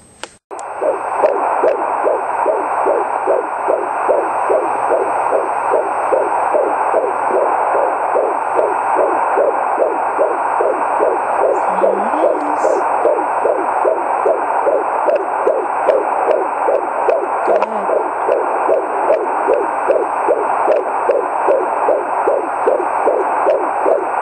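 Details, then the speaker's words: Fetal heartbeat at 17½ weeks of pregnancy, heard through a home Doppler: fast, regular whooshing at about 150 beats a minute. "I'm going to let you hear the baby's heartbeat and I'll show you my stomach."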